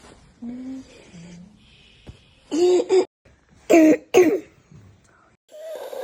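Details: Child with croup gives about four harsh, hoarse, barking, seal-like coughs, the hallmark croup cough, often worse at night; barking croup cough.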